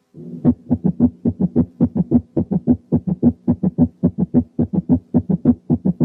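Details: Gallop rhythm: fast regular heartbeat with three sounds per beat from an extra heart sound; quiz case from an auscultation teaching recording.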